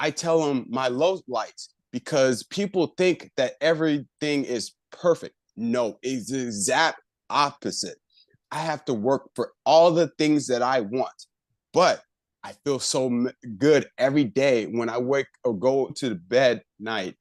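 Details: Adult man with aphasia after a left-hemisphere stroke about a year earlier, still recovering, with word-retrieval difficulty; aphasia.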